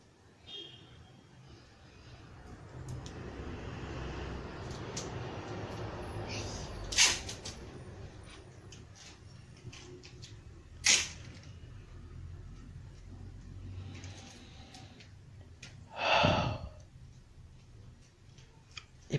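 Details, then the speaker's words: Female patient auscultated with stethoscope over the posterior chest during a forced deep inspiration and expiration; soft rushing breath noise; normal vesicular breath sounds. "le vamos a pedir a nuestra paciente que nos ayude realizando una inspiración y una expiración fuerte"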